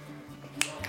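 One crisp finger snap, possibly a fainter second, over soft music: a demonstrated finger-snapping tic of Tourette syndrome.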